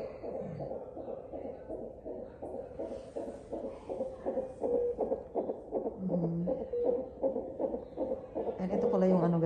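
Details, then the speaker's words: Fetal heartbeat checked by Doppler monitor during intense active labor: rapid rhythmic whooshing pulses, about 160 a minute, with faint voices in the background. "So ngayon guys, ini-check po yung ating ano guys, no? Ating heartbeat."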